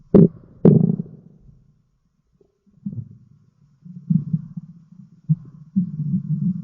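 Low gurgling rumbles with a few sharper bursts and pauses between them, typical stomach growling from gas and fluid moving through the gut.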